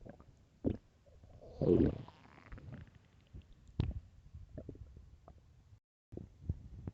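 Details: Loud hungry stomach growls: low gurgling rumbles and scattered clicks with one louder growl; ordinary hunger borborygmi.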